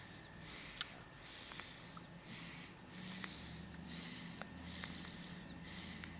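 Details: Sleeping with a cold: rapid, hissy, whistling breath sounds, roughly 37 a minute; light snoring.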